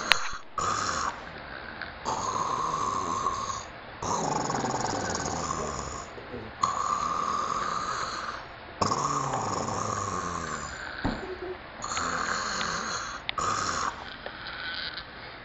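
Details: Snoring during sleep: repeated rough, rattling snores with brief pauses in a steady pattern of noisy breathing.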